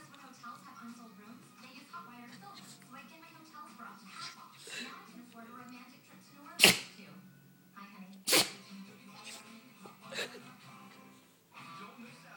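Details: Woman in a sneezing attack: two sharp, explosive sneezes a couple of seconds apart, with music and quiet talk in the background. Sneezing.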